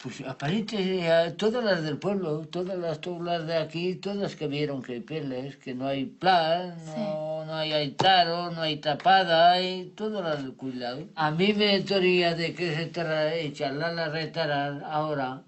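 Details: Adult man with Wernicke's aphasia after ischemic stroke, with impaired comprehension; fluent jargon speech with invented, meaningless words; Wernicke's aphasia.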